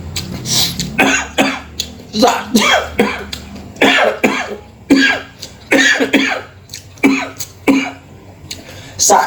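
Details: Several sharp, harsh cough bursts with throat clearing in a small room, from a man choking on chicken fillet while eating too quickly: coughing.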